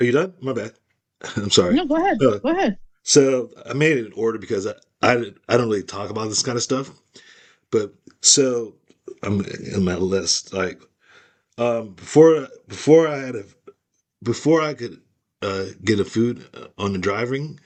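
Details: Aphasia caused by stroke, in an adult woman.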